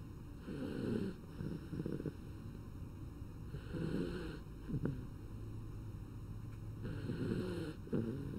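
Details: Animal snoring: soft, rough sleep breaths recurring about every three seconds under steady background hum.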